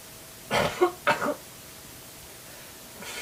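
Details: Two quick, forceful sneeze bursts with a sharp spray-like release, then a quiet room.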